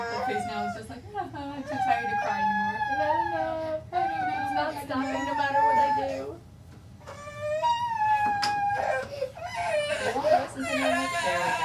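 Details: 14-month-old girl crying at activation of her bilateral Cochlear Freedom cochlear implants: sustained distressed long wails with brief breaks for breath, and an adult murmuring briefly.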